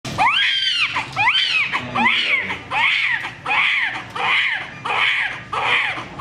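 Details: Newborn's first cry immediately after birth: loud, rhythmic, vigorous crying, about eight strong cries in six seconds.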